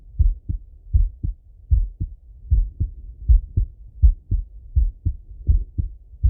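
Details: Full heart auscultation through a stethoscope on a male, recorded either sitting at a desk or lying in bed: clear, regular lub-dub heart sounds at about 80 beats a minute, normal heart sounds.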